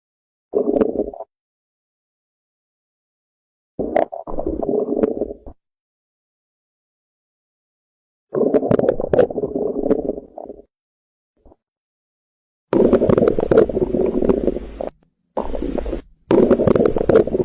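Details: Hyperactive, high-pitched bowel sounds, frequent gurgling, rumbling bursts; causes listed include diarrhea and early obstruction.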